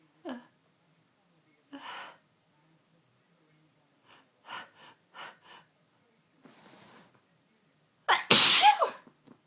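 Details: Sunday-evening fit of repeated sneezing that came on within the last hour: a run of soft sneezes and sniffs, ending in one loud forceful sneeze.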